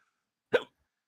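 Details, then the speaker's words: Single abrupt, croaking, frog-like hiccup in a quiet moment; the speaker says their hiccups are terrible and feel like their chest is crushing them, while another says theirs are normal, just audible and obnoxious. "They're they're normal hiccups. >> No, mine mine are terrible. They feel like my entire chest is like crushing me."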